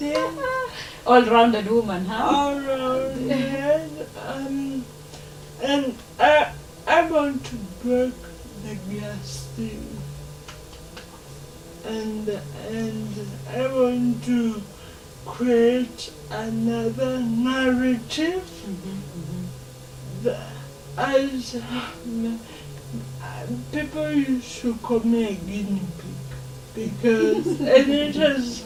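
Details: Dysarthria in a 27-year-old woman who has lived all her life with cerebral palsy, in a real, unscripted conversation.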